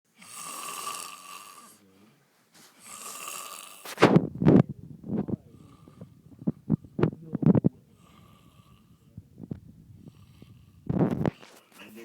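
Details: Loud snoring from a sleeper called a panda: two long rasping breaths, then a run of short snorting, fluttering snore bursts.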